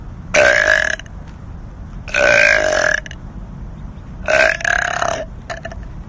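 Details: Woman burping: three long, loud, voiced belches about a second each, then a short fourth; burping.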